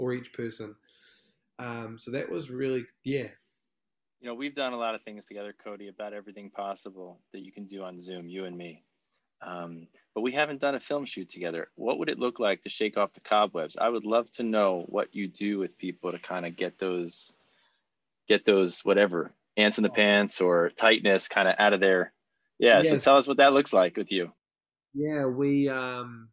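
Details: Adult man, conversational speech; fluent speech.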